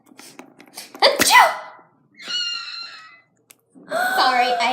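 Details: Person with a cold: one loud, explosive sneeze after a sharp intake, followed by voiced sounds and talk in a small room.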